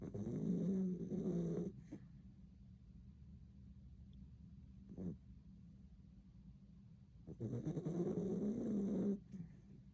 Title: Puppy snoring is fun to listen to. Turn up the sound and enjoy. ;)